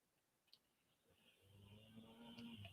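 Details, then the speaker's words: Dog snoring while asleep in the background of a talk recording: a quiet room, then a rising, buzzing, low-pitched breath sound that builds over about a second. "So, yes, can you hear my dog snoring in the background? I am talking about Meghan Markle, and it puts the dogs right into a coma."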